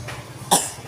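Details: A child fakes a single short, forced cough while not sick, pretending in order to get medicine bought. Voluntary (fake) cough.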